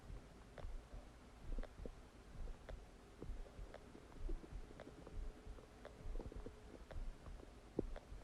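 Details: Stomach after eating a cheeseburger: low gurgling and bubbling with occasional squeaky pops over quiet hiss; normal digestive borborygmi.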